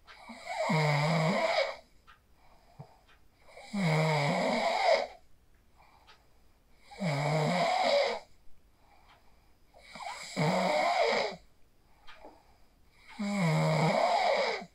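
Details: Phone recording of a person asleep after practicing the 4-7-8 breathing technique: steady, buzzing, tonal vibrating snores, about five in fifteen seconds, around 19 breaths a minute; sleep snoring.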